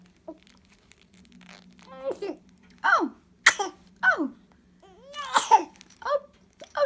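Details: Baby girl with cough and sneezes: several short, sharp infant coughs mixed with high-pitched baby vocal sounds in a quiet room.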